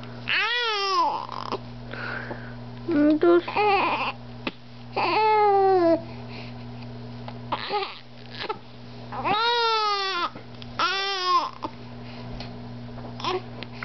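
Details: Baby with hiccups crying: repeated bursts of infant crying with rising and falling pitch, separated by short pauses, over a steady hum.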